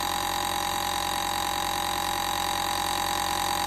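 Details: Continuous steady buzzing motor drone with fine regular rattle from a compressor nebulizer running while Matty, unafraid, receives treatment; nebulizer running.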